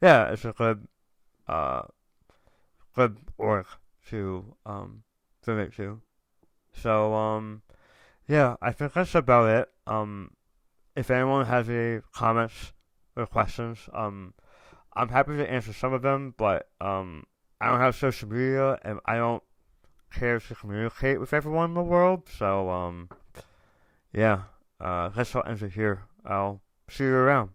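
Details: Adult male tongue cancer survivor, diagnosed October 2021, over 1.5 years in remission; ~80% of tongue removed, reconstructed with left-leg muscle; proton therapy and chemotherapy; reduced tongue and jaw movement; articulation impairment after partial glossectomy.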